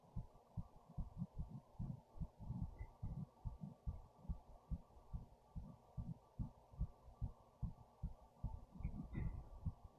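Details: Person's own fast heartbeat, heart racing after standing up, with fast breathing, recorded via a headphone speaker: rapid, regular low thumps at roughly 145 per minute, a fast heart rate.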